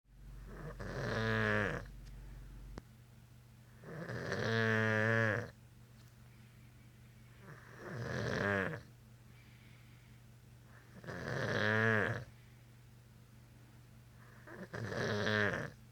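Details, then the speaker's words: Sleeping father snoring, told to roll over: loud, rattling snores on each breath in, about 16 a minute, with quiet between them. "Roll over. all over. You're snoring."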